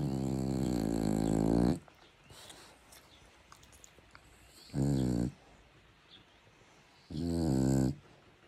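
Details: Staffordshire bull terrier (Staffy) in comfortable deep sleep, loud rumbling snores in long drawn breaths with quiet pauses between: dog snoring.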